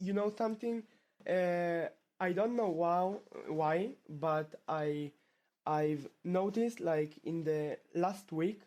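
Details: Stuttering in a male 12th-grade high school student from Israel who has stuttered since about age two; his stutter returned after two years of fluency.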